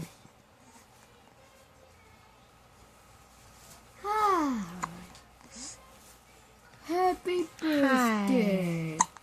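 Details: A few short voiced catches and vocal sounds from a young child being coaxed to say hi, in a quiet room; hiccups mixed with fussing.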